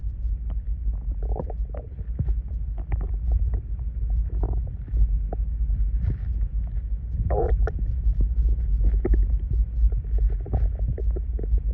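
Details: Stomach noises: low rumbling with frequent gurgles and squelches from the abdomen, ordinary bowel sounds (borborygmi) of gas and fluid moving.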